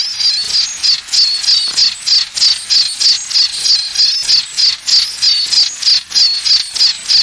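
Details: Simulated tinnitus sound.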